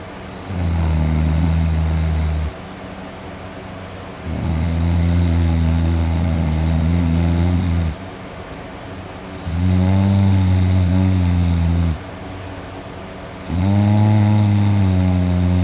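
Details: Self-recorded heavy snoring while asleep at night, with drooling: loud, deep, rattling snores on each breath, about 4 cycles in 15 seconds, roughly 15 per minute.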